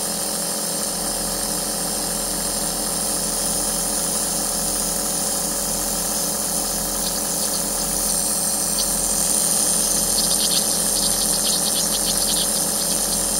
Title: ASMR white noise Aerosol nebulizer for relaxation